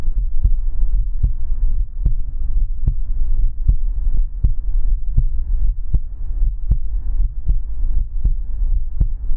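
Steady, regular heartbeat of about 77 beats a minute over a low continuous hum.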